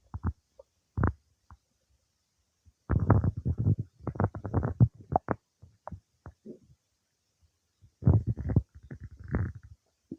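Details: Bowel sounds, stomach noises of active digestion some time after eating cake.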